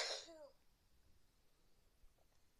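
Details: Adult who caught a cold after a freezing air-conditioned office and can't stop sneezing: a single short cough burst, then a quiet room.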